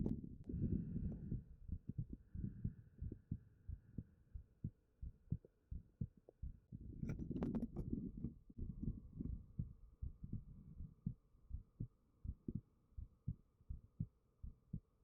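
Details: Own resting heartbeat recorded with a 3Dio binaural microphone: soft, steady, low thumps at about 90 a minute, with brief rustling and faint room hum; a normal heartbeat.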